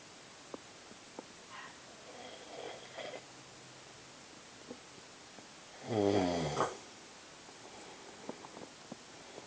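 Soft breathing noises with one louder, rough, fluttering snore in a quiet room.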